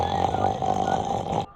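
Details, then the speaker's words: Sleeper who snores constantly: one loud, rough, fluttering snore lasting about a second and a half, cut off abruptly; snoring presented as a sign of obstructive sleep apnea. "واحد منفد عائلتكم دائما يوخر وكل ما تقولوه قاللكم لت انا دزو هذا المقطع حتى يعرف ايش ب وهاي دلاله على انقطاع النفس الانسدادي النومي"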